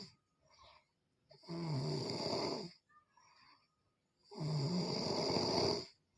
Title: खर्राटों से कौन-कौन परेशान है #trending #viralreels #funny #youtubeshorts #comedy #snoring